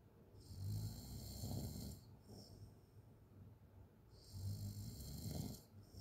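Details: Open-mouth snoring from a sleeping person: low rattling snore on the in-breath with a loud breathy exhale; snoring.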